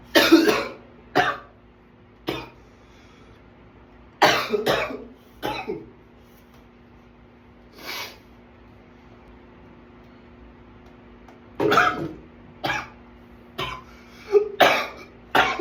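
Clusters of harsh coughs, about a dozen bursts with short pauses between: a prolonged coughing attack.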